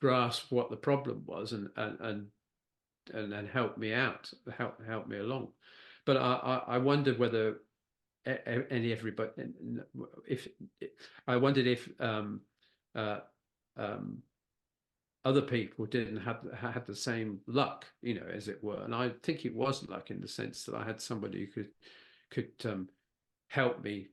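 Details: Post-stroke aphasia with word-finding difficulty in a man who had a stroke (a brain bleed affecting Broca's area) at age 69.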